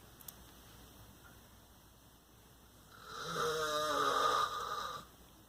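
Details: Adult man, a father, snoring while asleep at night in a dark room: quiet room, then one loud, rattling snore on a single breath in, lasting about two seconds.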